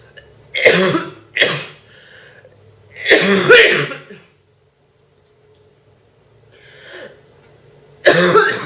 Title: Girl Coughing 428